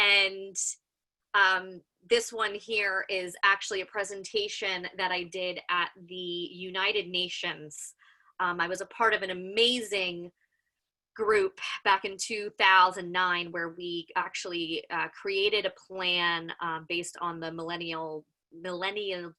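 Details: Adult female special educator with lifelong stuttering, worse when excited, anxious or short of sleep, with vowel sounds a trigger; she manages it with facial glances and word choice; real stuttering.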